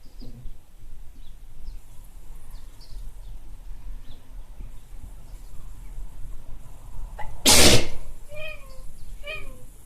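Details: Sneezing attributed to hay fever, recorded in Ireland: a single sudden, sharp, explosive sneeze after several seconds of quiet room noise, then a few faint chirpy sounds.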